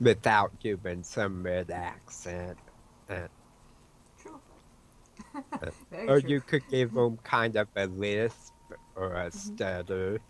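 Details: Adult man with autism and a self-reported speech impediment; he says his words sometimes break up and he repeats words mid-sentence when his mind wanders; speech impediment with disfluent speech.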